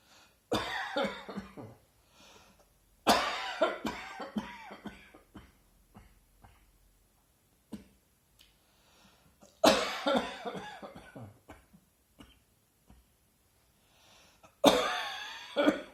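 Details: An adult has a sudden dry, hacking cough outdoors in a garden on a hot, sunny early-autumn afternoon, recorded on a smartphone: four bouts of repeated coughs with quiet pauses; dry cough.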